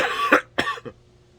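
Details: Smoker sick with a bad cough, COVID test negative a few days earlier and no fever, vaccinated, voice deep and congested, coughing outdoors: three harsh, chesty coughs in quick succession, the last weaker.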